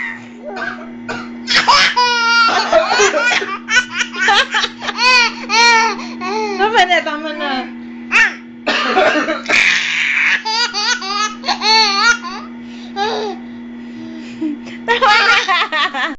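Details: Adults giving a few short, deliberate voluntary coughs, each followed by an infant's bursts of laughter.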